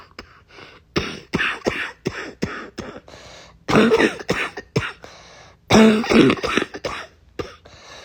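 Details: Adult with a cold with chest congestion: repeated harsh coughs in quick bouts, rough, rattly, phlegmy, with throat clearing, in a quiet small room; congested wet cough.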